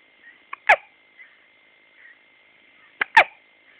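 Two sharp, abrupt gulping bursts about two and a half seconds apart over a faint steady tone, fitting hiccups.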